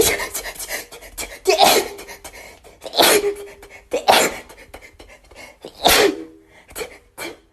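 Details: A fast run of sharp, explosive sneezes from a girl, with quick catch breaths between them; rapid repeated sneezing rather than gasping.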